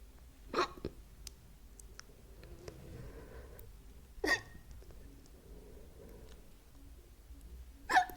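Three sharp, abrupt hiccup sounds, a few seconds apart, in a quiet room.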